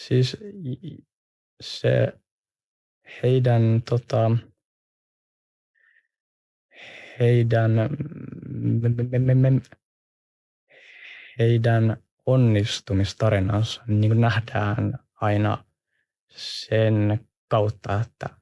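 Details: Adult person who stutters, with blocks, pauses and word repetition heard; stuttering.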